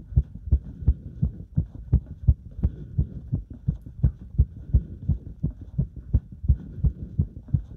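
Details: Heart sounds recorded during step-up exercise: fast, regular, strong heartbeats at about 170 a minute with faint background rustle; exercise tachycardia.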